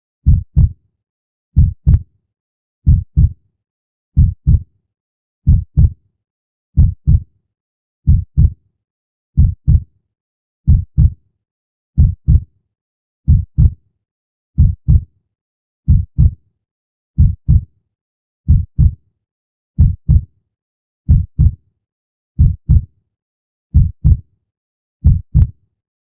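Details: Steady, slow lub-dub heartbeat, about 46 beats a minute, with clean silence between beats, recorded as relaxation sound.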